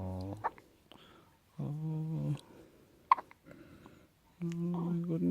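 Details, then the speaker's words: Baby girl with hiccups: two short, sharp hiccup sounds between soft voiced cooing or crying sounds in a quiet room. "Oh, you got the hiccups. You got the hiccups. Oh, oh,"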